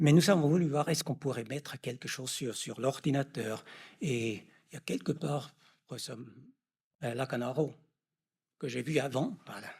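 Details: Adult male lecturer; normal speech.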